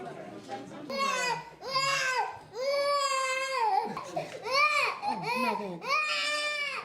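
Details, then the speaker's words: Infant, whose eyes cannot be cured because he has AIDS, crying in loud, high-pitched wailing bursts with brief breaths between, in a small room at an eye-care cataract screening clinic; infant crying. "sound of a crying baby becomes a distraction"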